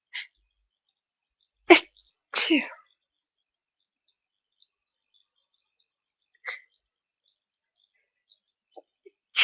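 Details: Early-morning stifled sneezes, held back to avoid waking housemates: two short, muffled sneeze bursts close together with small breath sounds around them.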